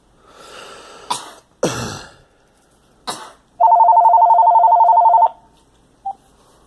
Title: Girl coughing